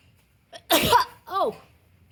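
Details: A short intake of breath, then one loud, explosive sneeze with a brief voiced trailing sound; sneeze.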